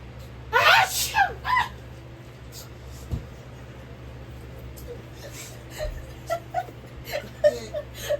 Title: SNEEZING ON MY BOYFRIEND WITH MY SICK SELF 🤢🤢🤮